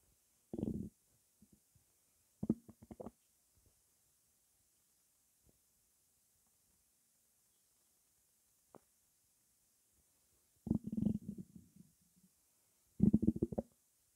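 Low gurgles and rumbles come in four bursts separated by quiet: ordinary stomach gurgling after drinking a fizzy drink.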